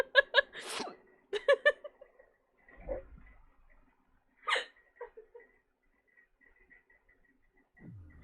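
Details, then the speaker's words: Adult on a livestream with a bad bout of hiccups that won't stop: sudden short, squeaky voiced bursts in quick pairs and triplets separated by quiet gaps. "No, I can't stop hiccuping. Oof."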